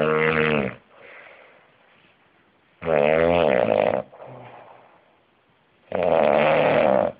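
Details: Coworker asleep at work: loud, rattling snores on each breath in, separated by quieter breathing out, about 20 breaths a minute; snoring.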